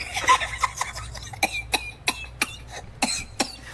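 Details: Person acting for comedy, eating ice cream, gives a rapid series of about eight short, dry, forceful coughs in a small room; a plain cough.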